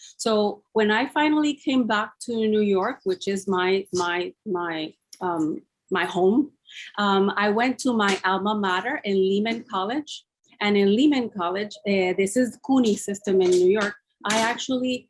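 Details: Mild aphasia with word-finding difficulty in a woman after a massive double stroke, ischemic and hemorrhagic, 10 years earlier; she has now recovered enough to speak.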